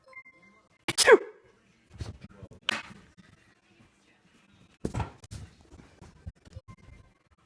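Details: Sneezing: several sharp, short explosive bursts of air through the nose, separated by quiet rustling and snuffling.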